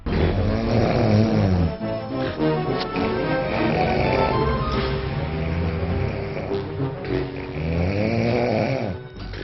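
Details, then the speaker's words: Loud, rattling low snores rising and falling with each breath over background music, illustrating a sleeper's snoring disturbing a bed partner; snoring. "अगर कमरे में खर्राटे की ऐसी आवाज गूंजती रहे तो भला नींद कैसे आएगी?"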